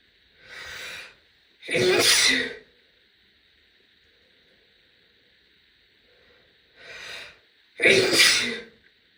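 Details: Adult female sneezing: two loud sneezes, each preceded by a short indrawn breath, over a steady faint hiss.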